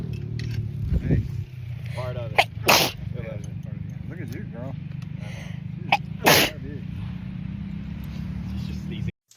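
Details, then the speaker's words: Woman content creator with spring seasonal allergies having a sneeze attack. Two sharp, explosive sneezes over steady background noise and faint music. "Ah. Ah. I'm having some kind of sneeze attack. Ah-choo!"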